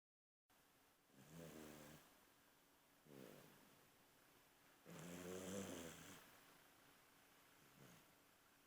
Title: Snoring dog with green eyes!!!